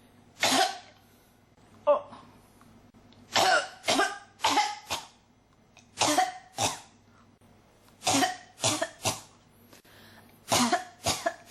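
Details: Adult with a cough that won't stop: about fourteen harsh coughs, mostly in pairs and triplets with short gaps; persistent cough.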